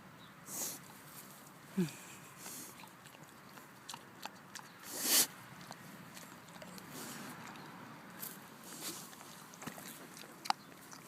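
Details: Two pigs rooting and snuffling, with a few sharp, breathy sneeze bursts, the loudest near the middle.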